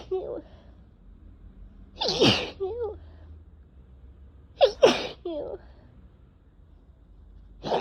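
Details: Two sharp, wet-sounding sneezes, each followed by a brief vocal sound, in someone coming down with a cold after a day of nasal itching and tickle.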